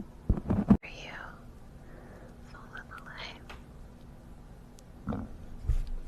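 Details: Hungry stomach growling close up, someone who hasn't eaten all day by 4:22: squeaky rising and falling gurgles with soft low thumps (borborygmi).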